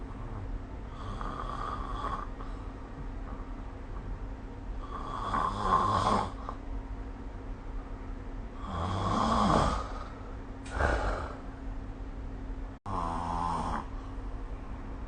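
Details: Repeated low, rattling snores, roughly 16 a minute and somewhat uneven, with one snorting breath over steady background hum, recorded with the SnoreLab app: snoring during sleep.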